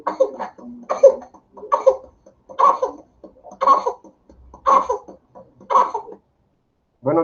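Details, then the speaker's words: Repeated bursts of harsh coughing in quick runs, about one burst a second: paroxysmal cough of whooping cough (pertussis, Bordetella, "hundred-day cough"), used as a teaching example. "de la tos de los 100 días, así se llama, a la verdadera bordetela, pertusis y que lamentablemente por la pandemia y por el lavado cerebral de los eh que meten miedo a las vacunas, la gente ha dejado de vacunarse"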